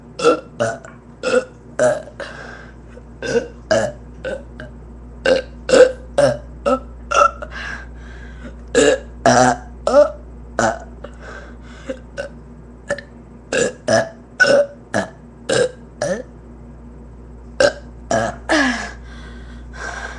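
Rapid run of short belches, about two a second, going on for twenty seconds over a steady low hum. Repeated burping.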